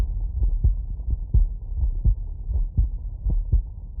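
A steady, regular heartbeat of about 84 beats a minute is heard through a stethoscope. Each beat has a firm first sound followed by a softer second sound, with a low hum in the background. These are normal heart sounds, with no added sounds heard between the beats.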